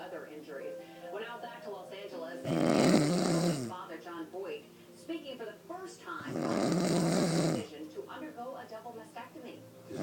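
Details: Woman who claims she doesn't snore, snoring asleep: loud, rough snoring breaths about 15 a minute with television talk and music in the background; ordinary snoring.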